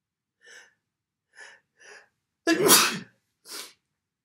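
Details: Induced sneeze: several short breathy inhalations building up, then one loud explosive sneeze and a brief follow-up breath.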